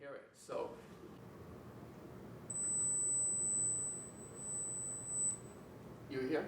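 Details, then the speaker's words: A steady, very high-pitched pure tone lasting about three seconds over quiet room noise, played to show that young people can hear high frequencies most adults cannot; a high-frequency hearing test tone. "casi todos los adultos sufren una pérdida de audición ya no pueden oír las frecuencias altas diferente es el caso de los jóvenes a quienes les gusta aprovechar esta ventaja frente a los adultos buscamos por ejemplo un sonido que ustedes puedan oír pero yo no"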